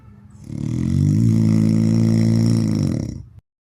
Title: best snoring sound